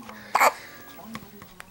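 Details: Infant boy with morning hiccups: a single sharp, abrupt voiced catch followed by soft baby sounds while an adult talks to him.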